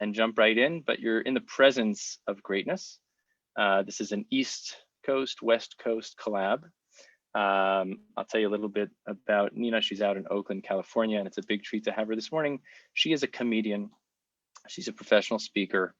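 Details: Adult male speaker; Normal conversational speech.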